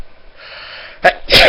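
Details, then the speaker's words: A quiet indrawn breath after the person says they need to sneeze, then two sharp explosive bursts: sneezing. "I think I think um I think I gotta sneeze hold on hold on"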